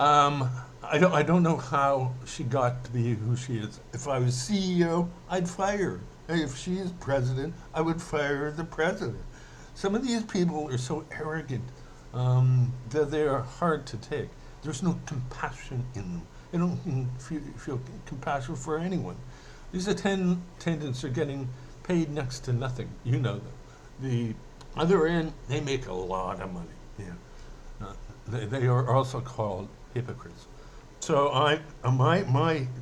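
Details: Adult male reporting a slight speech impediment after a possible brain hemorrhage (transcribed 'brain hammer'), who says he mainly stutters when emotional, speaking emotionally here; stuttering.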